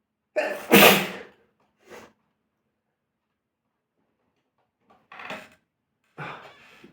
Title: Small fart And sneezing 2